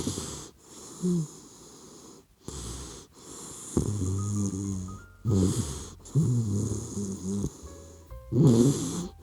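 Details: Soft, regular rumbling snores from a sleeping puppy dog, a low snore on each in-breath, with background music; ordinary sleep snoring.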